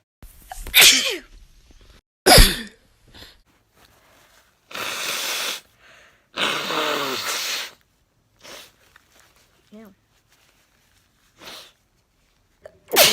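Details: Allergy sneezes: two sharp voiced sneezes, then two long forceful nose blows, with small sniffs and another sneeze starting at the end.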